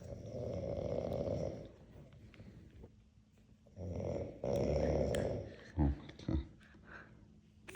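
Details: An adult snoring while asleep: loud, deep, rattling snores with a couple of short snorts and faint room noise between.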